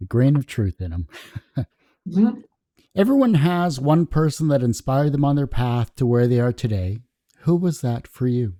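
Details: Adult speaker; normal speech.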